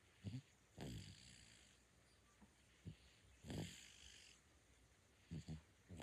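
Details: 9-month-old baby sleeping: soft, irregular snorting breath noises with a rough, rattly quality; light infant snoring, a common finding.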